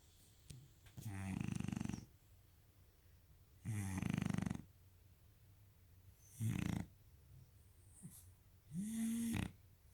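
Loud, rattling snores on each inward breath with quiet gaps between, about four in ten seconds; a dog snoring in a small room.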